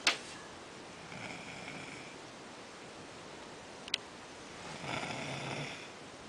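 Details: Young girl snoring: soft breathy snoring sounds on slow breaths in a quiet room.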